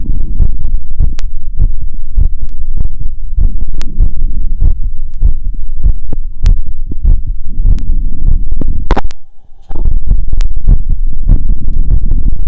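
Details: Heart auscultated with a wired stethoscope over pulmonic, aortic, Erb's point, tricuspid and mitral areas after a 2 km run at 150 bpm: sinus tachycardia after exercise, normal heart sounds.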